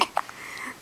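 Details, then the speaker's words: A baby's short, sharp hiccups in a quiet room while drooling, a common and harmless event in infants. "uh uhoh uhoh got big hiccups okay let's wipe that Dro okay"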